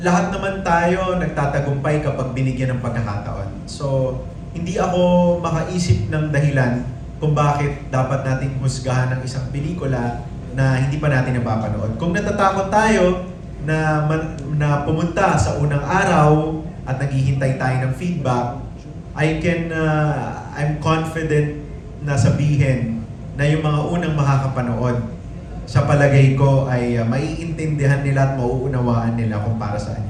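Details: Adult man speaking into a microphone; typical speech.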